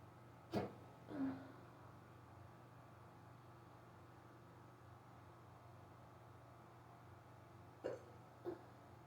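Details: Person who rarely gets hiccups, sudden severe bout after waking, lasting almost 20 minutes, very fast and unstoppable: four short, abrupt hiccups in nine seconds, in two close pairs, over room hum.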